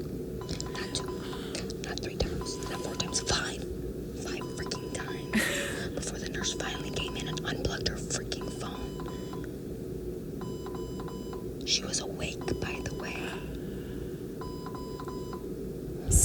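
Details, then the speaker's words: Infusion pump alarm in a hospital room, still beeping after a nurse had come in. Repeated short electronic beeps under soft, whispery talk in a small room. "I'm sorry we're going to like try to cut down on the amount of beeps cuz like I was getting annoyed by that"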